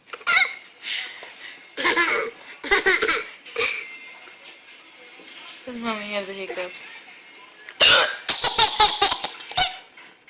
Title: mom with hiccups